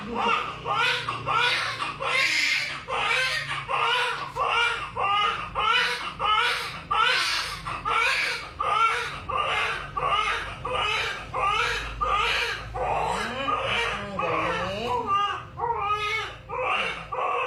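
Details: Loud, rhythmic crying in repeated bursts, about 88 a minute, from a newborn baby boy just after normal clinic delivery; a strong, normal newborn cry with quiet talk nearby.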